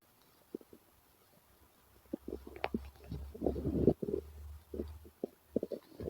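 Irregular low gurgles and bubbling rumbles over several seconds; ordinary stomach growling as gas and fluid move through the bowel.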